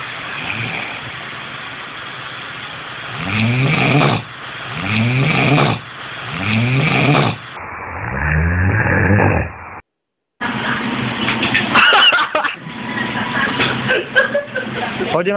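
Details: A bully-breed dog snoring loudly in sleep: rasping snores repeating every second or two, then louder rattling, snorting breaths; typical noisy snoring of a short-nosed dog.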